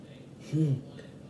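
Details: Vocal tic (yelp) with body tic (jolt) in functional neurological disorder, triggered by reading that also increased left eye pain.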